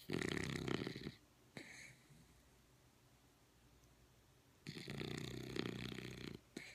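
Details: Dog in very deep sleep, with possible REM sleep or sleep apnea: two long, rough, noisy breaths with a quiet gap of about three seconds between them; snoring.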